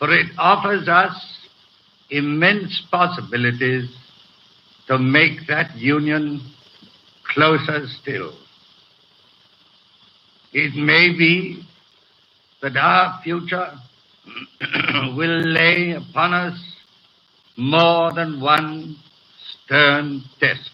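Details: Real 1937 coronation-day BBC broadcast by a man with a severe stutter, recorded before his treatment by a speech therapist was complete, with hesitations throughout; finding: stuttering.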